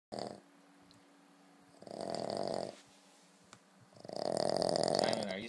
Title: snoring